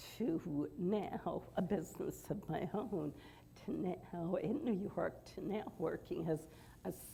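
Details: Adult woman with mixed adductor and abductor spasmodic dysphonia for about thirty years, Botox-treated with only partial relief, currently has a cold; mixed spasmodic dysphonia.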